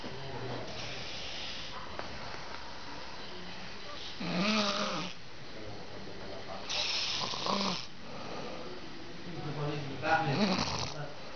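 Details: Snoring: three loud rattling snores about every three seconds over a steady background hum, regular rhythm of roughly 20 breaths a minute.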